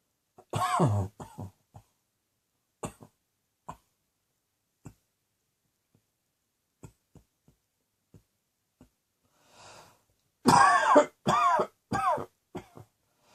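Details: Two short fits of harsh, forceful coughing separated by a quiet stretch with faint clicks and breaths.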